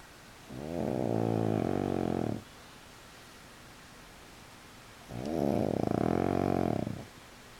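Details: Pug dog asleep on his back with legs up, his first time in that position: two long, rattling, buzzing snores on breathing in, each about two seconds, separated by quiet; flat-faced dog snoring.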